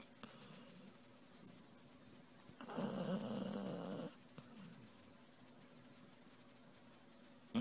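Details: Sleeping puppy snoring: one loud rattling snore on an in-breath, with quiet breathing before and after.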